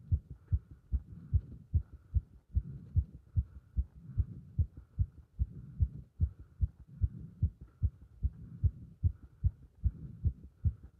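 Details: Heart sounds recorded with chest compression during squats: fast, regular, strong heartbeat thumps near 150 a minute; heart racing during exertion.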